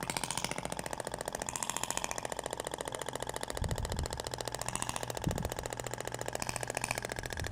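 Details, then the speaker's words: Thork Ibramed shockwave therapy applicator with a polyacetal tip passed over a patient's abdomen near the navel: rapid, fairly regular mechanical tapping at about 214 pulses a minute, sounding different from the other tip. "até o barulho é diferente da ponteira de poliacetal para ir nós"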